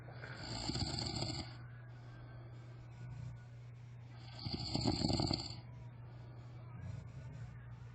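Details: Friend asleep and snoring: two rattling snores, each followed by a quieter breath out, over steady room hum.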